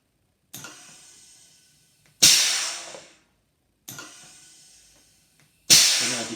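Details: DIY Ambu bag (bag valve mask) automated ventilator technology demonstrator, Arduino-controlled with pneumatic valve and 12 V compressor supply, speed being increased; repeated pneumatic hisses and valve clicks, about one cycle every three seconds.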